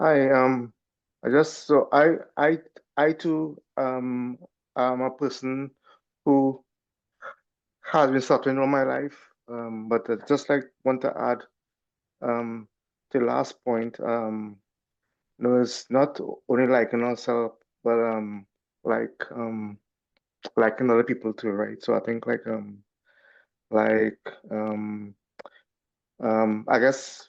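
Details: Adult who stutters, taking part in a stuttering support meeting, with repetitions and filled pauses; stuttering.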